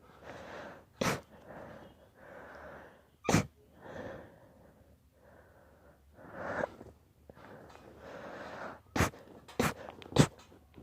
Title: Long induced sneezing fit